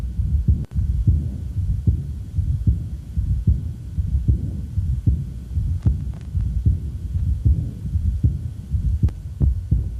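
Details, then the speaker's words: Man with a regular heartbeat about 75 a minute, a prominent aortic second sound, faint soft murmurs and a mid-systolic murmur from increased aortic flow, fitting chronic severe aortic valve insufficiency. "in fact it's very frequent with chronic severe aortic valve insufficiency you you may your ear may pick up on the systolic murmur"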